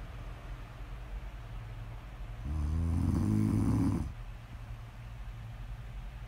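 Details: A person asleep, recorded as snore-audio ASMR: a single low, rumbling, fluttering snore lasting about a second and a half, with quiet breathing and faint room noise around it; snoring.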